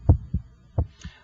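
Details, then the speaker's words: Normal heart sounds at the apex through an electronic stethoscope, timed against the radial pulse. Two regular lub-dub beats with S1 louder than S2 and no murmur. "I can hear your first heart sound and I can hear the second heart sound"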